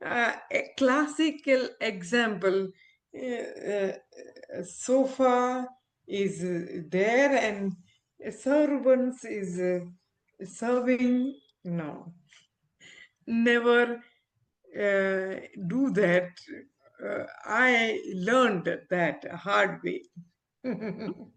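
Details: Adult woman with aphasia after a stroke around when she delivered twins 7 years ago, recovering with speech-language therapy, communication still impaired; aphasia after stroke.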